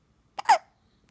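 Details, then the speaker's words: A baby boy who had been fussy earlier gives one brief, abrupt hiccup: a quick catch of breath followed by a short, squeaky voiced burst. "hiccups. The monkey boy has hiccups."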